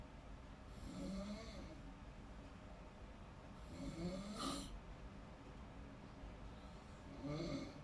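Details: Person snoring in deep sleep: soft rattling snores with each inhalation, about 20 a minute, against steady background hum.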